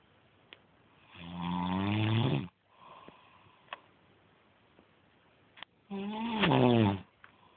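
Two loud, rattling, low-pitched snores on breathing in, about five seconds apart, with quieter breaths out between them: typical snoring during sleep.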